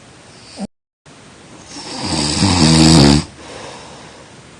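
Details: A single loud, rattling snore building on an in-breath then fading over a quiet room; snoring during sleep.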